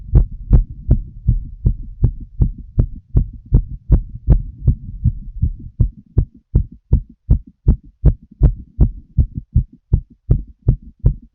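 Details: Adult female smoking a cigarette, full heart auscultation through a stethoscope: clear, regular heartbeat with crisp paired thumps at about 80 beats a minute; heart sounds.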